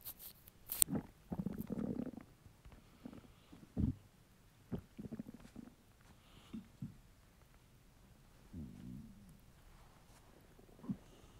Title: Hungry stomach rumbles